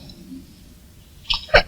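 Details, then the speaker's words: Person who says they just want to sneeze; brief quiet lead-in, then a quick two-part "ah-choo" burst; a single normal sneeze. "I just want to sneeze a weirdo [Music] excuse me"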